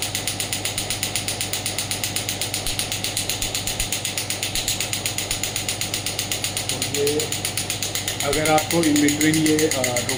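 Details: Rapid, steady mechanical tapping at about four pulses a second from a Biotronix radial pneumatic shockwave therapy (ESWT) handpiece. Faint background music.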